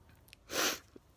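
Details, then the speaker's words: Adult with repeated sneezing, who guesses warmth or tiredness after a first day back at work: a faint sniff, then a single sharp, breathy sneeze burst under half a second. "it's because i'm talking i'm gonna stop sneezing i'll stop talking to see if i sneeze"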